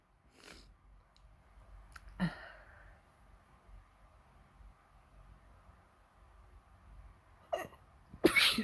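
Several brief, sharp bursts of air, the last loud and explosive, with quiet room hum between; sneezing.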